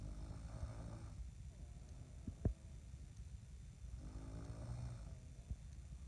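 Low, rattling snores on the in-breath, about every four seconds, roughly 15 breaths a minute, with quiet pauses between: ordinary snoring.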